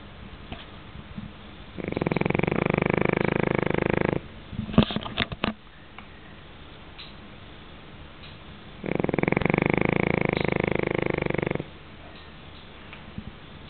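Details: Snoring in a sleeping Pekingese dog: two long, rough, rattling snores about seven seconds apart, with a few sniffs and clicks between them.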